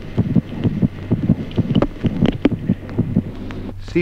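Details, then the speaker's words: Fetal heart sounds, rapid and soft at about 130 a minute, with the maternal pulse heard as a faint whooshing like a soft systolic murmur underneath. "ejemplo cuarto ruidos cardíacos fetales además pulso materno como un suave soplo sistólico"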